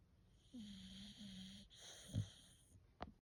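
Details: Four-month-old female brindle Bullmastiff puppy in deep sleep: soft low snoring with a faint whistle and a small snort over steady room noise; puppy snoring.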